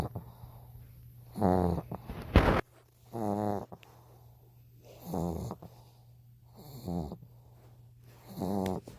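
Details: Dog snoring with its eyes open: repeated short, rattling snorts and snores at about one per second over a steady low room hum.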